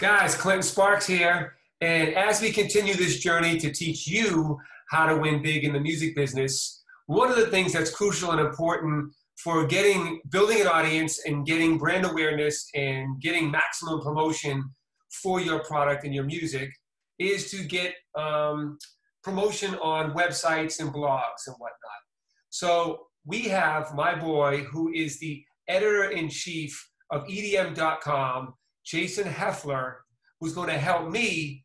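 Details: Adult man; typical speech.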